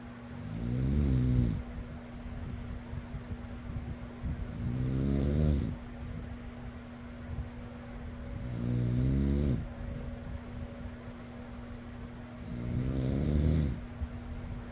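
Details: Person snoring over steady fan hum; deep, regular rumbling snores on each breath in, about 15 a minute.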